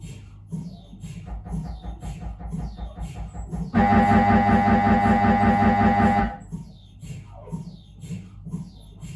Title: 🧲🔊 Dont be afraid of MRI - Sounds in normal head examination | Siemens Magnetom Avanto 1.5T MRT